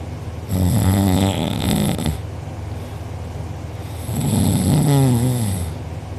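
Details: A person recorded asleep with mouth open and drooling, who later had a sore uvula and soft palate: two very loud, rattling, low-pitched snores on breathing in, about 10 breaths a minute, with background hiss. Snoring.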